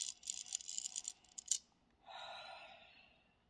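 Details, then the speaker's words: Adult on post-op day five after a 5-hour colon resection: device rattling and clicking, then a slow, steady, sustained inhalation through an incentive spirometer at a set rate, done about 10 times hourly to prevent pneumonia. "so you're inhaling at a very specific set rate and you're supposed to keep it steady that's one of the main components of it and then increase the amount each day"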